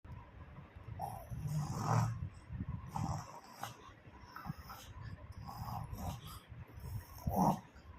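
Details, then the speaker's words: A young child who was told to sleep pretends to snore, making rough, rumbling snores in irregular bursts that imitate sleep breathing. "Okay தூங்க சொன்னா இவங்க குரட்டை விட்டு நடிக்கிறாங்க"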